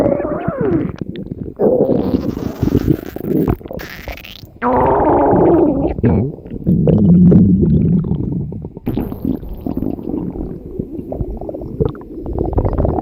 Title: Stomach Growling